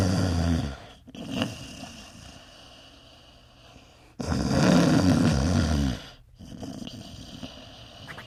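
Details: Snoring dogs, lips flipping and flapping with each breath, from a compilation.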